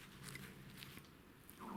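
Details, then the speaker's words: Faint, low, drawn-out rumbling gurgle from a stomach, with clicking handling noise in a small quiet room, attributed to getting hungry; stomach growling (borborygmi). "And oh, there goes my stomach. Did you hear that, guys? I must be getting hungry again."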